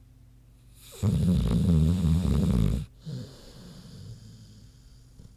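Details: Deep rumbling, fluttering snore of about two seconds, then quieter snuffling breaths, from Queenie, a big pig, sleeping; normal snoring.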